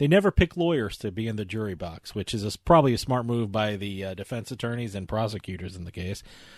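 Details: Adult male speaker; Normal speech.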